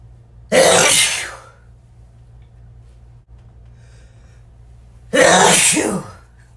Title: Sneezing My Head Off M